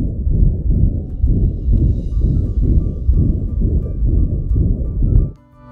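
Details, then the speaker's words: Heart murmur in a dog or cat, as heard by stethoscope at a routine vet check: regular heartbeats about 60 a minute with a whooshing, swishing sound between the lub and dub, from abnormal blood flow through the heart. "this sound is called a heart murmur heart murmurs are caused by abnormal blood flow through the heart"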